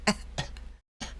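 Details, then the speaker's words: Adult, sick with a suspected viral infection and ear ache after antibiotics, demonstrating a dry cough: a few short, sharp, non-wet cough bursts with a steady low hum behind. "that's where the ear ache and the cough, the dry cough. Let me demonstrate the cough. This cough."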